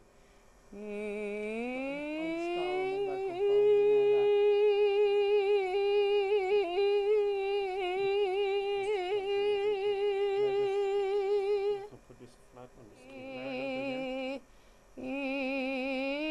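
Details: Singer's dystonia in a real singer whose speaking voice is fine but who cannot sing, recorded before Botox injection into the thyroarytenoid muscle.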